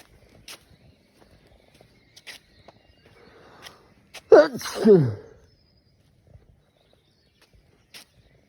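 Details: Sneezing fit while walking home outdoors after a night of drinking alcohol, which nearly always triggers it; one loud two-part sneeze, sharp intake then explosive falling cry.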